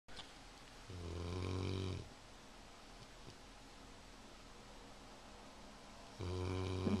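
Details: Stella sleeping on the couch, heard snoring from the kitchen: two low, buzzing snores about five seconds apart over steady room hum.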